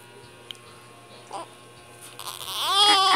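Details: A one-month-old infant crying: quiet room noise, then a rising, bleating wail; an ordinary newborn cry.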